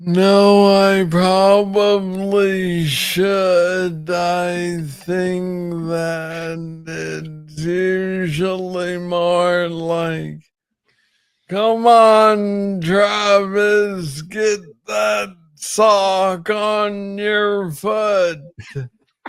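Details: Adult man with Parkinson's disease, diagnosed in 2014 at about age 35 after it was first misread as tennis elbow; real conversational speech; slow speech (Parkinson's disease).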